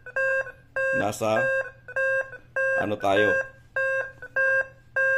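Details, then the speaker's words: Nihon Kohden TEC-5631 defibrillator in AED mode tested on an analyzer: voice prompts "press AED button, do not touch patient, analyzing heart rhythm, shock advised, press flashing shock button, shock delivered" with alarm tones. "press AED button do not touch patient anal heart RM do not touch patient shock advised shock advice do not touch patients shock adv guys Press the flashing shock button so delivered sh delivered guys"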